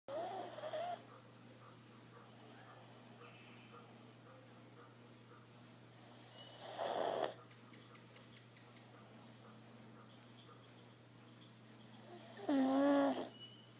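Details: Pug snoring while asleep: three squeaky, whistling snores about six seconds apart over a steady low hum.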